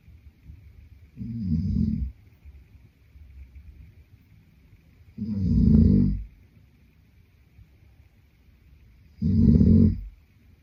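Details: Boyfriend snoring in sleep: deep, rough snores with quiet gaps between, about 17 breaths a minute; ordinary sleep snoring.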